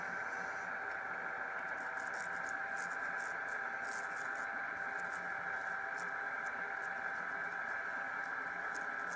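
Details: Electrocautery device with controlled electrical discharge, using a fine tip to carbonize and lighten an unwanted tattoo on the presenter's own skin: steady electrical hum with faint crackling sparks.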